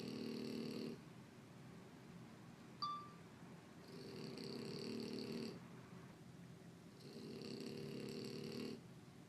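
Slow, regular buzzing breaths over room noise, about three cycles in nine seconds; snoring during sleep.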